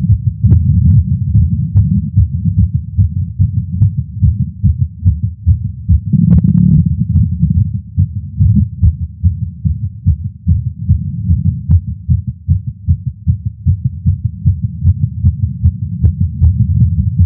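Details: Male's heartbeat via Stemoscope stethoscope while smoking a cigar after a long break, feeling lightheaded: rapid, regular, steady low thumping at roughly 140 beats a minute; tachycardia after nicotine.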